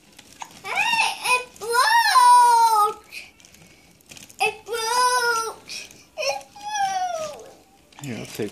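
Several rising and falling wailing cries from a young child, separated by short pauses, in a quiet room.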